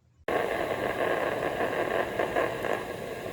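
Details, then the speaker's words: Microelectrode recording of deep brain neuronal activity: dense crackling static with fluctuating bursts as the globus pallidus internus (GPi) is mapped during deep brain stimulation surgery for dystonia. Limbs and speech were moved or tested during recording, with occasional stimulation. "Each of these surgeries, the surgeons insert a microelectrode recorder to map my GPI, or globus pallidus internal neuronal activity."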